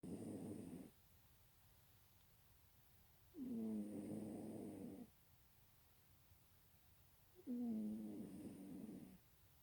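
Regular rough, rattling snores with quiet gaps between them, about 15 breaths a minute, from a sleeping cat.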